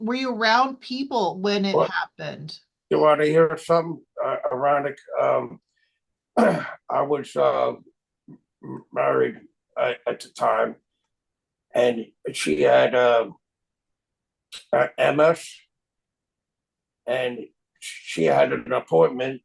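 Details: Aphasia in a man 25 years after a stroke; real speech.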